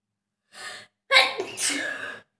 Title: #Sneezing challenge# 30 Times Sneezing// Most Requested video// Self Sneezing challenge //part - 2.